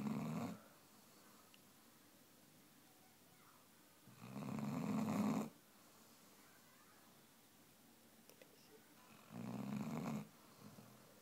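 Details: Daisy the snoring basset hound: loud, rattling snores every few seconds while asleep in a quiet room.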